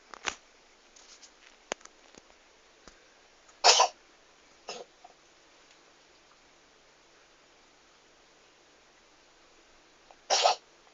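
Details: Cat sneezing repeatedly: several short, sharp nasal bursts, two of them loud, with small snuffles between them in a quiet room.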